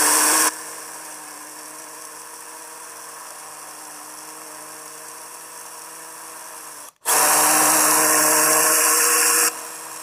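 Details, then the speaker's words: Surgical power drill drilling distal fibula for a screw during MIPO plating of a distal fibula fracture, with longitudinal traction applied: two bursts of high-pitched motor whine with quieter hum between. "So now, in order to gain the fibular length, my assistant is applying a longitudinal traction so that we have gained length, and then I'm drilling"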